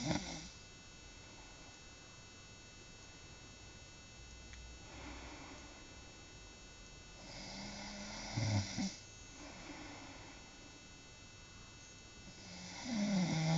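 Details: Low rumbling snores recurring irregularly, about 13 a minute, during sleep against steady room hum; ordinary snoring.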